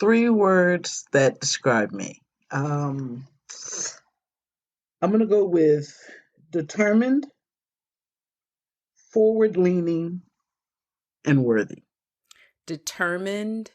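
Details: Aphasia in an adult woman, a stroke survivor.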